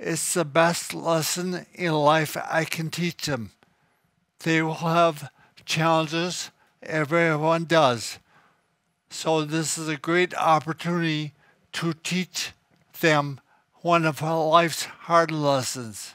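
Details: Adult man with cerebellar ataxia, thought to be genetic and expected to worsen, affecting speech, coordination and balance but not thinking; ataxic dysarthria.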